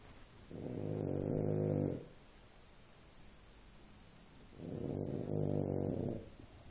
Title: French bull pup is snoring...can't watch tv